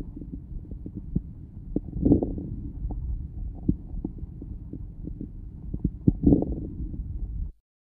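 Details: Early inspiratory crackles.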